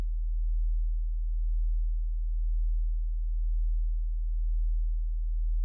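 A steady, very low pure tone held throughout, a simulated hearing test tone.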